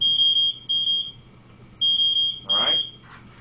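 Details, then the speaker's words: Ventilator apnea alarm: repeated high-pitched beeps on a BiPAP Vision non-invasive ventilator during simulated apnea in an NIPPV setup demo, backup rate delivering breaths before alarm reset; brief voice at end. "Now that my patient's finished breathing, or is breathing, I'm going to reset my alarm here."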